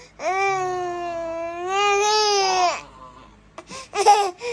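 A baby gives one long, steady wail, then a few short whimpers and sobs. This is ordinary infant crying.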